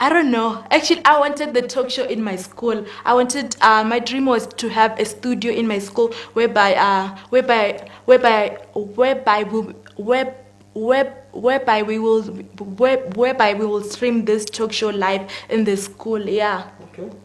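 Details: 19-year-old female grade 12 student with stuttering, which is audible during the interview: stuttering.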